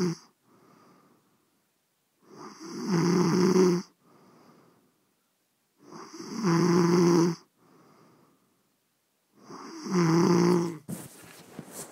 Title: Wifey snoring after a few beers